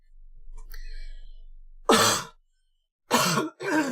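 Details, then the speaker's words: Adult man with a raspy voice clears his throat in three harsh bursts, which he attributes to asthma mucus. "I'm sorry for my voice going all raspy."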